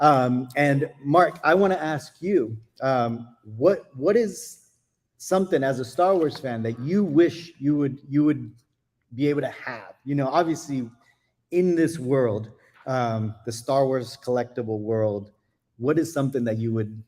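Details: Adult male speaker; typical voice.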